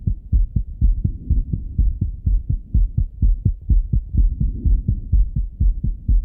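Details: Adult male listening to his own heart with a stethoscope at home right after a run: fast, regular, strong lub-dub at about 120 per minute; normal heart sounds with exercise-raised rate.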